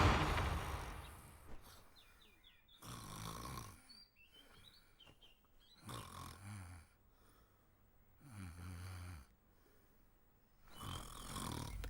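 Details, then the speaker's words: Acted drama scene of a sleeping son snoring: loud rattling snores repeating in bursts with quiet gaps between them; simulated, not real. "अपने बेटे के खर्राटों की आवाज सुनी आपने? अच्छी तरह से। सो रहा है तो सोने दो ना उसे।"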